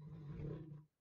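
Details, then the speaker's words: Snoring from an old pet named in the clip, heard in the background of a recording: low, rumbling, fluttery snore trailing off into quiet. "snoring in the background, if you can hear her. I know if I don't apologize for her, then people start commenting, there's someone snoring in the background."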